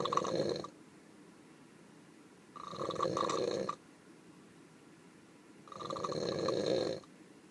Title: More snoring in the burro...